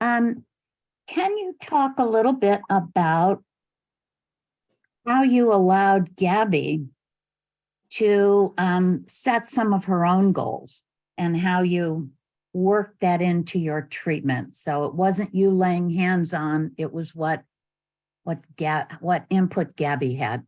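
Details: Adult woman; normal speech.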